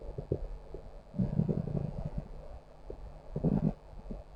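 Low gurgling growls in two bursts, an ordinary stomach growl.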